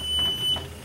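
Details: Two short, high-pitched electronic beeps as an EverFlo/EverFlo Q home oxygen concentrator is switched back on after tubing and a humidifier bottle are connected; a normal start-up signal.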